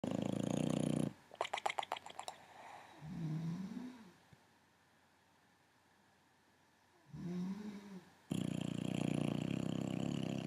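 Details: Foster Boxer dog snoring in the dark: soft, low rumbling breaths with a fluttering snore quality, between loud handling noise and a few clicks.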